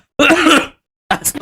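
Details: Adult coughing while eating Samyang noodles: a voiced, groaning throat-clearing cough, then a sharper cough burst after a short pause.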